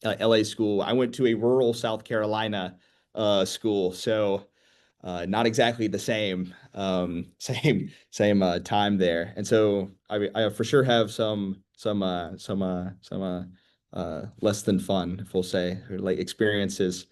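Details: 25-year-old man who began stuttering at age 13, with repeated sounds and syllables, filler words, and repeated words and phrases: stuttering.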